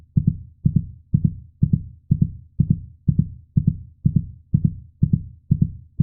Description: heartbeat sound for babies